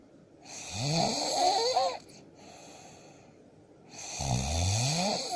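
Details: Man sleeping: two loud, rattling snores with a hissy, whistling edge, separated by a quieter pause; ordinary snoring.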